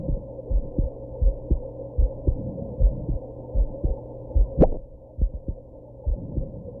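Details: Woman's heartbeat with hiccups after drinking and smoking: steady low heartbeat thumps at about 78 a minute, with one sharp hiccup jolt near the middle; a low hum underneath.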